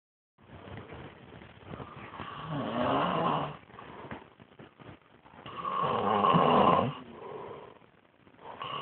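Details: Sleeping child on a couch: two loud, rough, rattling breaths, each building and fading over a few seconds, with quieter breathing between: snoring.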